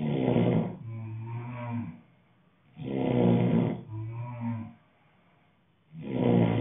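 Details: Adult male sleeping, loud low rumbling snores on each breath in and out, about 20 breaths per minute, short quiet gaps; heavy snoring during sleep.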